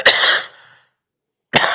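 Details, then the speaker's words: Adult coughing during a morning panel discussion: two sharp, harsh cough bursts with a pause between them; the speaker then says they missed what was said because they were coughing. "I'm sorry, I didn't hear the last part. I was coughing."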